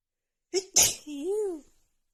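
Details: Female with runny nose after an hour outside in cold snowy weather, plus dust: short indrawn 'ah', sharp explosive burst, brief voiced trailing sound; one sneeze of a sneezing fit.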